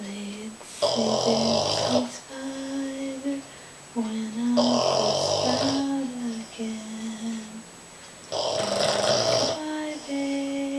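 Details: A sleeping Boston Terrier snoring in raspy, rattling bursts on each breath, mixed with soft whistling and whiny nasal tones.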